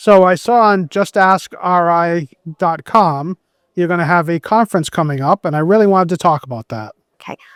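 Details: Adult male speaker; typical speech.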